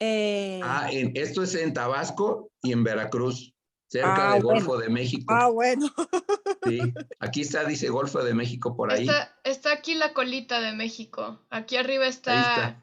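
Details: Aphasia after acquired brain injury (stroke) in a man attending an art history workshop for people with aphasia, giving a Spanish-language presentation; aphasia.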